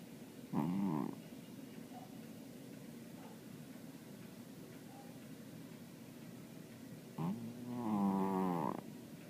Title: Murph Snoring